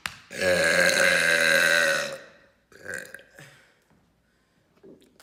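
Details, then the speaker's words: One long, loud, deep-voiced belch lasting close to two seconds, then quieter trailing sounds: a deliberate loud burp. "What's up guys, it's here, and today I'm going to be doing another really loud burps."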